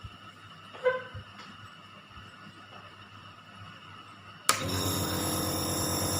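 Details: Dr Trust compressor nebulizer switched on after medication is loaded into its chamber with the mouthpiece attached; a quiet room, a switch click, then a loud, steady buzzing drone from the compressor motor; compressor nebulizer starting.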